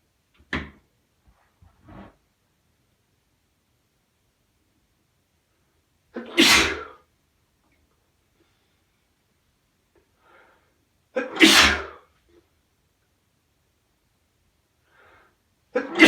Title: Sneezing Fit With Nose Blowing (M)